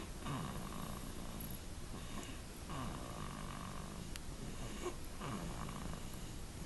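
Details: Soft, steady rasping breaths in repeated cycles of a couple of seconds over background noise; light snoring.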